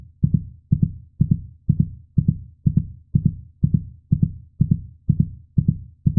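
Steady, regular lub-dub heartbeat with deep soft thumps, repeating evenly throughout without any gaps or extra sounds.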